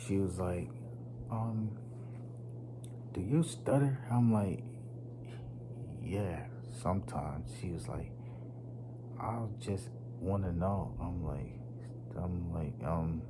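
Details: Stuttering in a man, once so severe he could not talk, worse when nervous around unfamiliar people; he links it to his nervous system.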